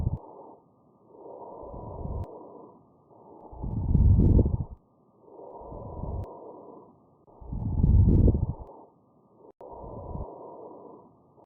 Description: Coarse crackles (rales) abnormal lungs sounds which are also called rales breath sounds. Crackles are the same as rales.